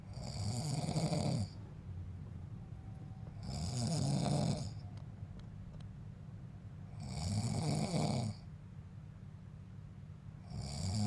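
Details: Father secretly recorded by his son while asleep, who snores daily but denies it: loud, rough, rattling snores on each breath in, about 17 breaths a minute, with quieter breathing out between.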